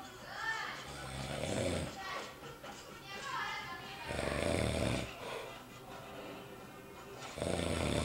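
Loud, low rumbling breaths about every three seconds, with music and voices in the background: snoring.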